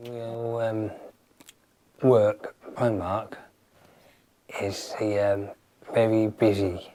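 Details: Man with aphasia after a stroke that affects his speaking, reading and writing; aphasia.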